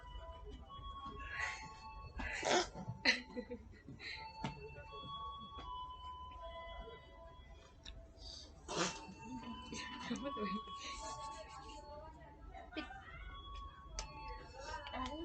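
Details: Sneezing on a moving train: a few sharp, explosive sneeze-like bursts over music and the hum of the train.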